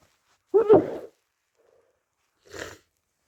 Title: stuffy/congested cold sneezes